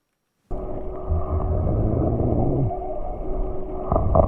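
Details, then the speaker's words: Cough with coarse, low rumbling breath noise, rhonchi and crackles (rales), recorded for a clinically validated machine-learning platform detecting cough and adventitious breath sounds; brief cough-like burst at the end. "so as you could hear that was a cough but there's other interesting adventitious breasts in there as well ronchus rawls all of that has been categorized and clinically validated"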